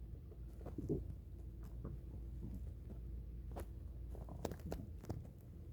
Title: Ambient stomach growling